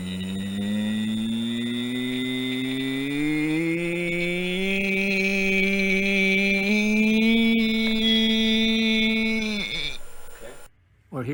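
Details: Man who lost his voice after a total thyroidectomy and, after recovery, cannot reach high notes; loss of upper pitch range from superior laryngeal nerve injury.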